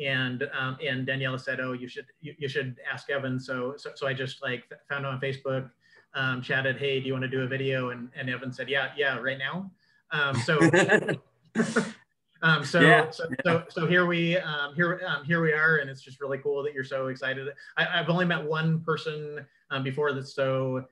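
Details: Cluttering in an adult man who reports having it, with word and phrase repetitions, interjections, revisions and telescoping (dropped sounds and syllables), especially when talking fast.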